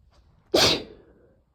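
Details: Single sharp, explosive sneeze with a hissing burst of air that quickly fades, during a short sneezing fit with sniffles and light coughing from a cold caught from a sibling.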